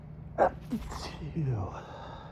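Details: Stifled sneeze at 3 a.m. from a man with an itchy, runny nose blamed on pollen and the motel AC: a sharp, muffled burst followed by a gasp and breathy exhale, held back to keep quiet.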